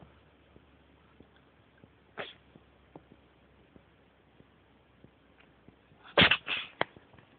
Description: My cat Mimer was sneezing for about 10 min, wouldn't have lasted that long if he hadn't fought every single sneeze.